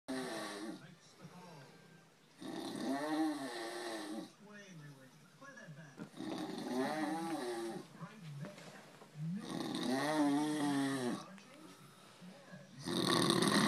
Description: Can't believe he snores like that!